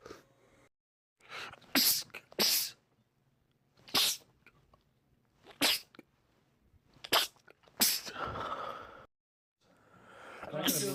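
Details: Repeated sneezing from a compilation of men's rapid sneezing attacks: about six to seven sharp, explosive sneezes in rapid series with brief breaths between them, a sneezing fit.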